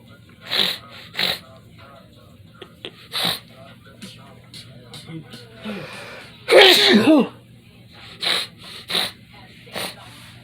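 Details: Sneezing in a bedroom, which the sneezer blames on allergies: one loud explosive sneeze between short, quieter breathy sounds.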